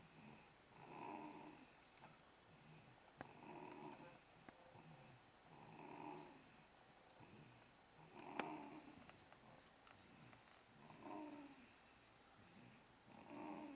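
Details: Conner, after screaming moments before, sleeping with soft, rhythmic rasping snores on each breath, about 25 a minute, over faint room noise; ordinary snoring.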